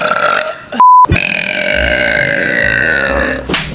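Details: Long, tonal, rumbling burp lasting over two seconds, preceded by a brief electronic beep.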